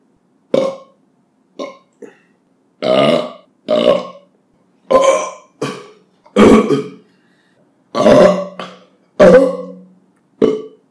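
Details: Compilation of burping after drinking soda or beer and eating: about a dozen loud, voiced belches of varying length separated by silent pauses.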